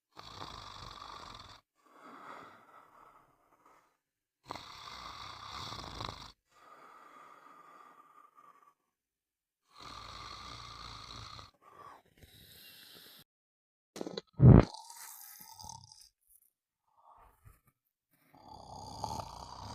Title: Sound of snoring